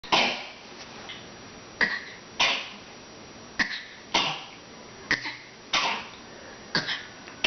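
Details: Two people coughing in turn, one a grandfather, in a quiet small room: about eight sharp, dry cough bursts in 7.5 seconds, some in quick pairs.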